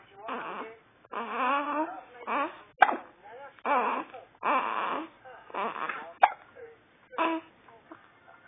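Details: Hiccups in a 2-day-old newborn boy: soft fussing cries broken by a few short, sudden catches.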